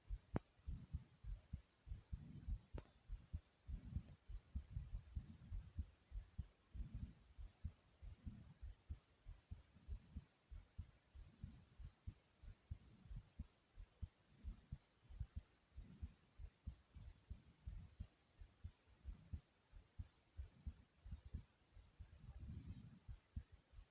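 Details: Own recorded heartbeat, tagged fast: deep, muffled, steadily repeating thumping heartbeat with a faint low hum behind it.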